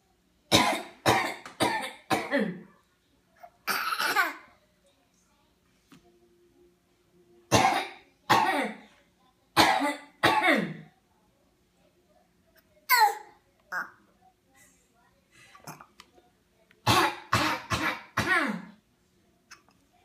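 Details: A young child copies her mother's coughing with about fifteen short, deliberate coughs in quick clusters; an imitated voluntary cough.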